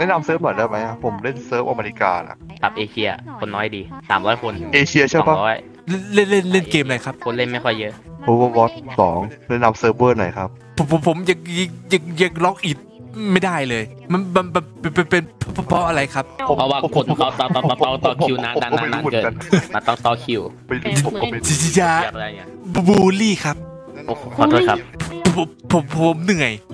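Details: Male player deliberately faking a stutter as a prank, with repeated words and syllables; finding: stuttering (imitated).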